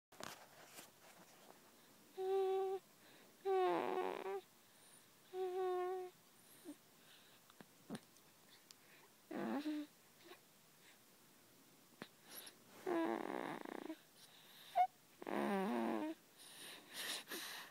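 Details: Repeated tonal, whistling breath sounds in bursts of about a second in a quiet room, with a wheezy, musical quality; snoring.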